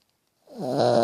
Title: Dog Snoring